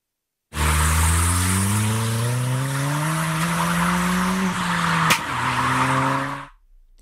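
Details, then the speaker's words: Simulated cochlear implant hearing of birdsong, two years after processor activation, by a user with one functional ear; birds were audible a year earlier and now sound very close to the original. "And this is how I hear them through the implant. The sound of birds was audible even a year ago, but now it is very close to the original for me."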